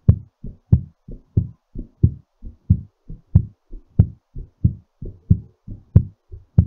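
Strong, steady lub-dub heartbeats at about 92 beats a minute, slightly fast, as heard while recovering after exercise.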